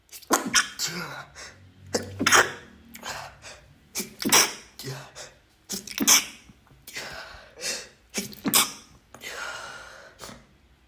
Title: another sneeze compilation (M)